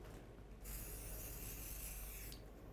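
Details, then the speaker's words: Vapocoolant spray: a steady hiss of about two seconds from an aerosol can, cooling the skin before needle insertion for an ultrasound-guided erector spinae block. The patient has lower back pain. "and i'm going to give a little bit of a vapor coolant spray prior to inserting the needle okay"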